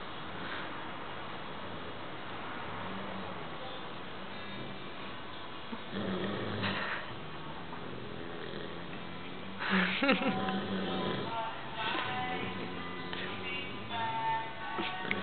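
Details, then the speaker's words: Siberian husky puppy asleep, snoring: soft, vibrating breath noises described as snoring like a man, unlike the other, silent puppy; faint voices and room noise in background. "It's funny because the other one is like silent, completely silent, and this one snores like a man."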